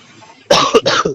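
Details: Cough from an adult man in a recorded interview who sounds unwell with a rough voice: a short burst of about three harsh coughs after a quiet moment.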